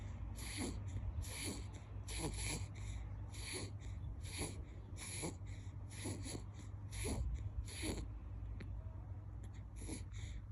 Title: Snoring 😴